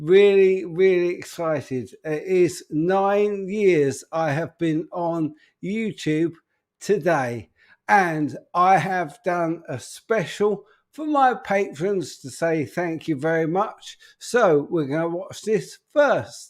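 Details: Adult man with an upper motor neuron disorder affecting speech, getting more evident; speech currently not great, awaiting news on his condition; spastic dysarthria (upper motor neuron).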